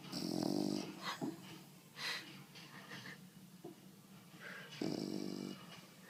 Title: Snoring Bulldog - Ninja the Bully